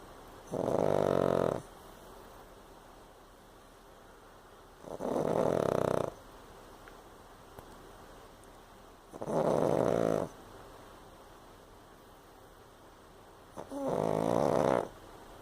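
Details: Sleeping pug: four loud, rasping snores about every four seconds, roughly 15 breaths a minute; snoring.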